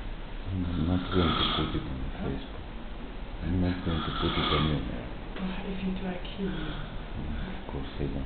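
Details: An old woman asleep in a hospital neurosurgery ward room, snoring loudly: low, rough snoring with repeated rattling breaths over a steady background hum.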